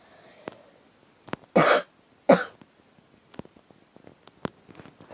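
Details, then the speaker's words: Two loud, harsh coughs with quiet breathing and small sounds around them, from a woman with sore throat since two days ago, runny nose and cough since yesterday, no fever, and headache; a cough with a cold. "Горло начало болеть еще позавчера. Вчера у меня появился насморк, кашель."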